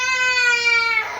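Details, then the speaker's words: Baby boy crying to be taken into his mother's lap while his brother tries to hold and comfort him: a short, high, sustained, clear tonal wail that breaks off at the end, ordinary infant crying. "বলছে আম্মুর কোলে যাওয়ার জন্য কান্না করতেছে।"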